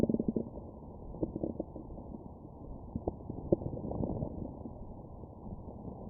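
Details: Stomach growling bowel sounds recorded with a Stemoscope shortly after eating a McDonald's meal.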